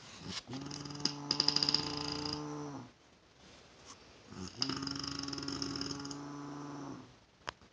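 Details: Reported as a bear snoring: two long, steady, buzzing rasps about two seconds apart, each over two seconds with a droning tone, in a quiet small room.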